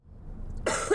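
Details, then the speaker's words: Working mother with a two-year chronic cough, worse in winter and set off by cold or air-conditioned air: one abrupt, harsh cough from a low, noisy background. "어 2년째 지금 만성 기침으로 인해서 좀 일상생활에 많은 좀 지장을 겪고 있고요"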